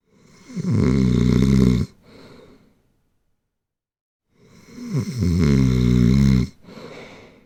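Two loud, rattling snores on breathing in, each followed by a short breath out, with silence between.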